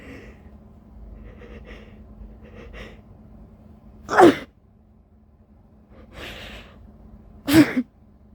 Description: Had a sneezing fit, followed by two intense coughing fits. 😫🤧